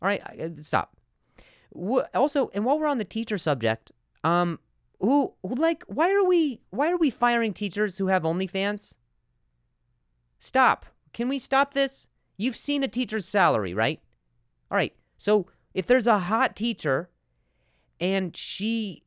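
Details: Stuttering in a podcast host who stutters, speaking spontaneously with sound and word repetitions.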